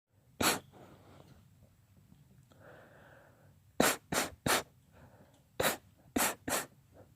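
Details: Daughter's spontaneous, not induced, sneezing fit: seven short, sharp sneezes, mostly in quick clusters of two or three, with soft breaths between; sneezing.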